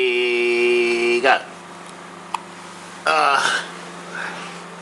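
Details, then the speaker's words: Hiccups: a humming, chant-like voice broken by two abrupt, gulping hiccup jolts a couple of seconds apart. "hiccups hiccups how many hiccups can you do in one minute"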